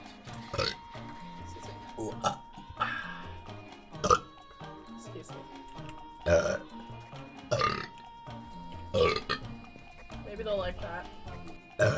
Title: It's been Awhile. Have a Burp! | Twitch Girl Burps | Burp Compilation #6